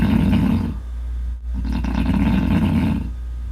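Loud, rough, rumbling breathing noise with a brief pause, typical of heavy snoring.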